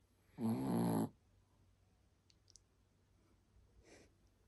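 A single short, rattling snore followed by quiet breathing in a sleeping small dog; snoring.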